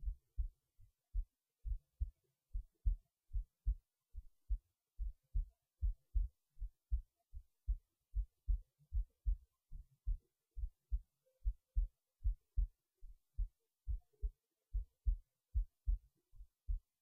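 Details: Heartbeat recorded late at night while resting in bed before sleep: steady low thumps at about 74 beats a minute in near silence; normal resting heartbeat.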